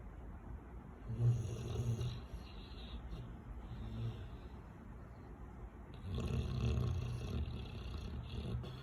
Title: Snoring lil monster